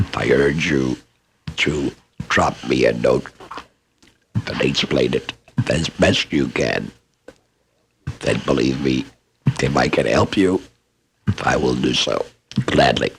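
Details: Adult laryngectomee speaker; esophageal speech after laryngectomy.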